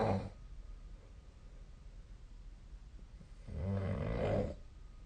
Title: 👃 本日のイビキ / Snoring Sleep Sound 2024/12/20